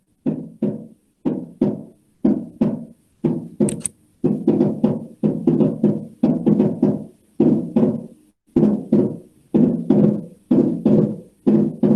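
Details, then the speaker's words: Cardiac auscultation: regular heartbeat about 61 per minute with crisp paired sounds; second heart sound split into aortic and pulmonary components, staying fixed, with a loud pulmonary component (P2): fixed splitting of S2 with loud P2. "Este segundo ruido tiene una característica especial, es que tiene 2 componentes, el componente pulmonar y el componente aórtico."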